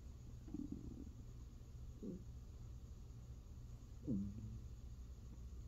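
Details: Hunger and digestion stomach growling from a person's belly: faint low gurgles and rumbles over a steady low hum; ordinary borborygmi.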